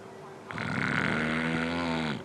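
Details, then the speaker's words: Snoring as the first sign of obstructive sleep apnea: a single loud, harsh, rattling inspiratory snore with a buzzing low rumble, shown with a fiber-optic scope view of the throat. "Snoring is the first sign of obstructive sleep apnnea."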